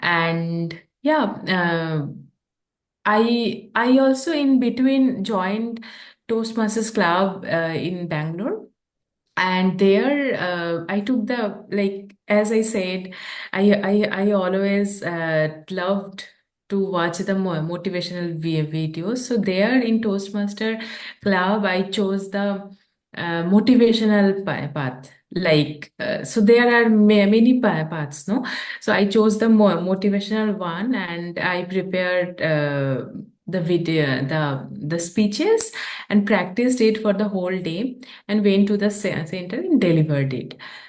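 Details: Adult woman who stammers, a real speaker whose stammering began at age 13 or 14, with sound repetitions; stuttering (stammering).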